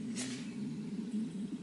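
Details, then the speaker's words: Stomach growling (borborygmi) from an adult man lying in a hammock in the morning before breakfast: a low, steady rumbling gurgle that vibrated the hammock. "don't know if you can hear that, but my stomach is just growling, man. That actually vibrated the hammock."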